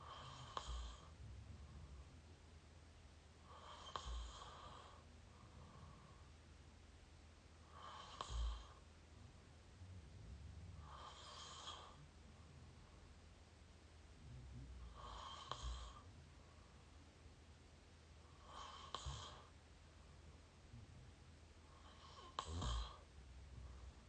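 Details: Close-up recording of open-mouth snoring: regular, rough, airy breaths about 17 a minute.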